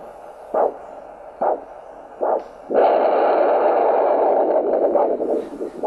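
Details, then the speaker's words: Ankle-brachial index exam with a Doppler probe at the ankle, after pedal pressure about 110 mmHg (arm 100 mmHg): three brief pulsed whooshes, then a steady loud roar of venous return. "roar that you just heard that was venous return"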